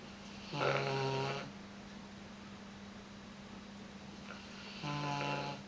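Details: Tibetan Mastiff asleep and snoring very loudly: two slow, rumbling, low-pitched snores about four seconds apart against a quiet room hum. Ordinary snoring during sleep.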